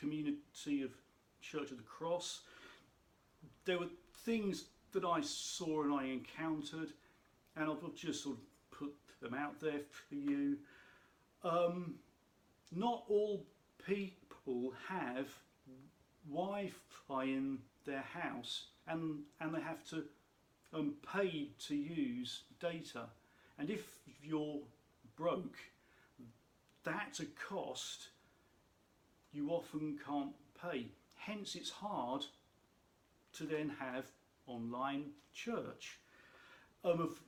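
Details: Adult man who states he has a stammer, which he says can be heard in his speech; stuttering (stammer).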